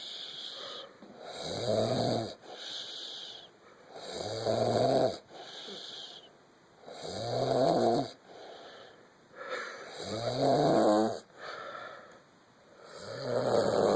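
Regular rattling snores on each breath in, with softer whistling breaths out, about 20 breaths a minute; snoring.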